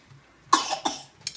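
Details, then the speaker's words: A son deliberately gives three short, dry coughs in quick succession while making a pepperoni pizza; a voluntary cough. "You gotta stop coughing, man."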